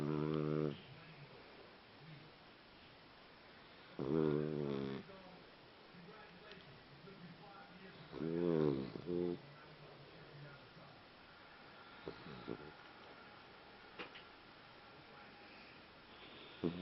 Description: My fox terrier snoring